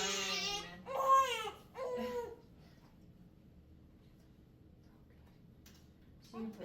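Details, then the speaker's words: Short, strained cries from a two-week-old infant that fade into quiet, heard during a first chiropractic exam and finger-pressure adjustment; the baby cries because a tender spot is pressed; infant cry. "you'll notice the baby starts crying because it's a sore spot. He's not crying cuz I'm whacking and cracking him."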